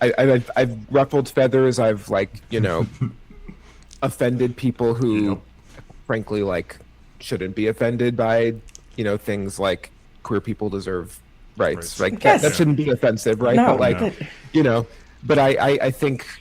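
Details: Stuttering with part-word and word repetitions in an adult man with cerebral palsy, who thinks his stutter is related to his CP.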